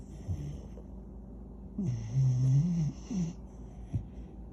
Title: Dog snoring and dreaming.. well sometimes he thinks his human lol #doglife #spolieddog